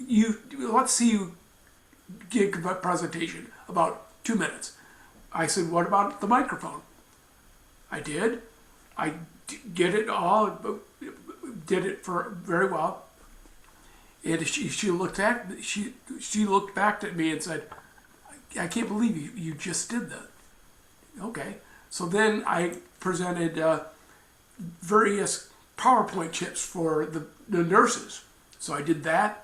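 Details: Woman, a mother, with aphasia and apraxia of speech after a stroke at age 45; speaks Marathi, Hindi and English, with words sometimes coming out mixed; aphasia with apraxia of speech.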